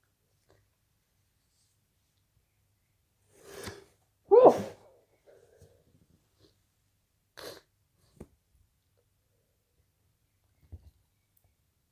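In a quiet room, an adult's breathy false-start inhalation leads into one loud sneeze, followed by faint breaths and small sounds; induced sneezing.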